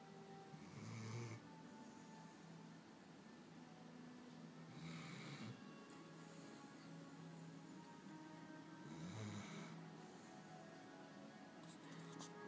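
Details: Soft, gentle snoring breaths about every four seconds, roughly 15 a minute, under quiet background music: snoring.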